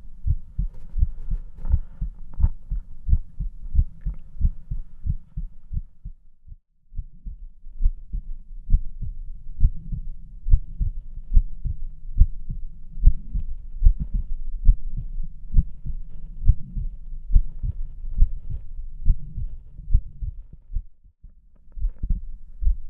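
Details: Stethoscope auscultation of a girl's heart: regular low heartbeat thumps at around 70 beats a minute, with soft rustling between. Normal heart sounds.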